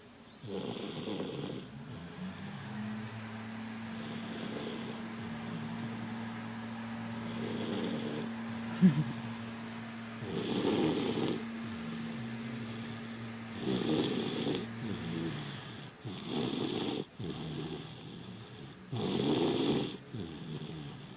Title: snoring